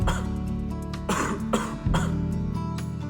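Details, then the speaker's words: Dry, non-productive cough: several short, sharp coughs without a wet rattle, over background music; described as having no phlegm and causing an itchy or uncomfortable throat. "Batuk kering itu sebenarnya cukup mudah dikenali. Ciri khasnya enggak ada dahahak dan biasanya bikin tenggorokan terasa gatal atau enggak nyaman."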